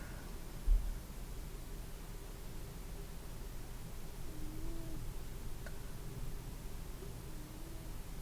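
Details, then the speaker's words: Real-person abdominal exam by a nurse: stethoscope on the right lower quadrant over the ileocecal valve picks up a low rumble with short rising gurgles, heard immediately; normal bowel sounds. "we're just normal in this case right like the moment I placed the stethoscope I heard vowel sounds right away"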